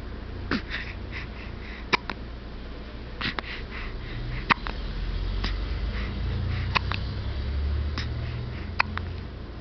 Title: Has the Hiccups!